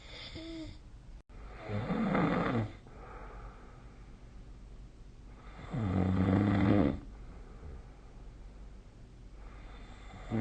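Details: Sleep snoring recorded with the SnoreLab app: two loud, fluttering snores on the in-breath with quiet gaps between, about 14 breaths a minute.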